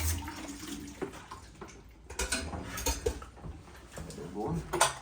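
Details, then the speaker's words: Horse during a routine dental appointment with a professional equine dentist: splashing and running water with sloshing, mixed with room noise, as the mouth is rinsed out; oral rinsing during equine dental care. "those [Music] [Music] are good I'm just rinsing out"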